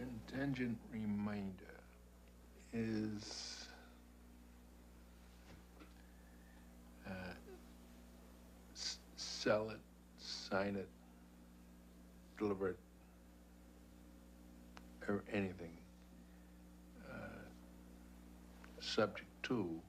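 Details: Man who had a stroke at age 45 when a blood clot cut off circulation to part of his brain, damaging Broca's area and affecting both understanding and expression of language. Broca's aphasia.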